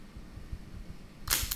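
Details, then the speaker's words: Chiropractic activator instrument used on the right foot of a woman with plantar fasciitis, at a prominent bone, then the arch: quiet room, then a sharp spring-loaded click as the hand-held adjusting instrument strikes. "What this right side feels It's sticking out a little bit more. I'm going to use an activator. Hit it right in there."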